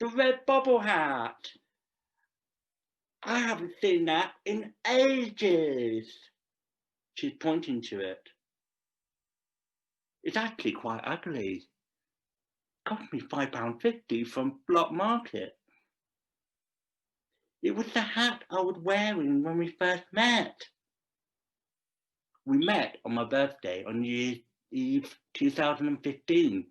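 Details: Deaf speech from a Deaf adult male actor performing a script about a deaf man who speaks.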